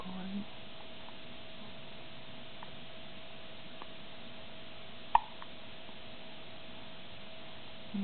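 A single sharp, abrupt hiccup sound stands out against steady low room hum.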